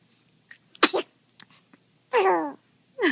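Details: Sneeze, with hiccups, from a 4.5-week-old infant.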